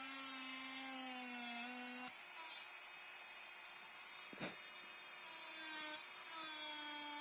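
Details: Dental high-speed handpiece on a typodont mandibular first molar (#36), full veneer crown preparation, planar reduction of the mesiolingual cusp: continuous high-pitched whine dipping under load.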